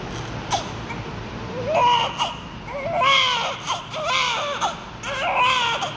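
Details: Repeated strong, high-pitched cries from a newborn over steady room hum; a vigorous newborn cry from an active baby.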